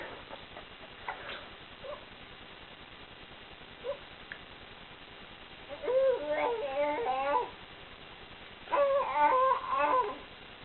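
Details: Child reacting to dusty air: soft sounds, then two bouts of whimpering, tonal crying; crying.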